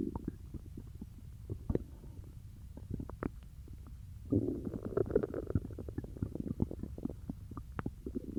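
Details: Stomach growling after eating peanut butter: continuous low rumbling with frequent gurgles and pops; active bowel sounds (borborygmi).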